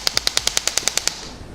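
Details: Shock wave therapy of an Achilles tendon, head focused on the swelling then moved up and over: rapid evenly spaced sharp clicks about ten a second, then stopping, as the device fires.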